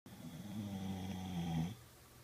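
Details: Boxer dog taking an afternoon nap: one long, low, buzzing snore lasting under two seconds; ordinary snoring.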